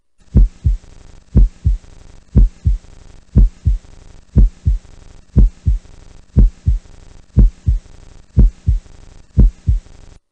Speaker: Los ruidos cardíacos, como ustedes recuerdan, son dos, el primer ruido y el segundo ruido, que podemos auscultar en este momento a 60 latidos por minuto.